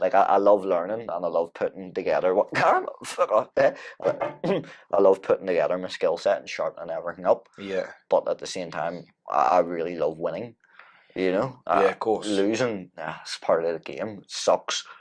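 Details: Man with Tourette syndrome whose tics flare during everyday tasks; an apparent swearing vocal tic interrupts his speech. Vocal tic (Tourette syndrome).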